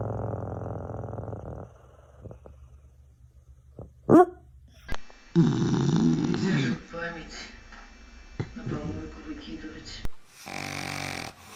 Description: This dog snores louder than most humans. No shame, no mercy, just full commitment to the nap.